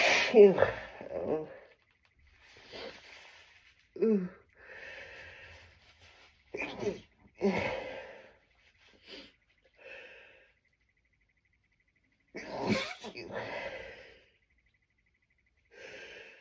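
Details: Adult with worsening tree pollen allergy trying to hold back sneezes too strong to stifle: several muffled, partly held-back sneezes with catching breaths between them.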